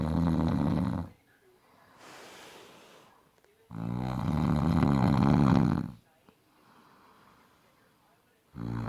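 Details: Adult man who snores in every sleep position: loud, deep, rattling snores on each breath in, with quieter breaths out between; heavy snoring.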